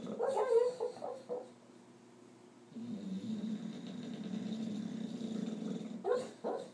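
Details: Bulldog Marley asleep, snoring as usual with some dreaming or nightmare: a long rumbling, growly snore with brief whimpering sounds before and after.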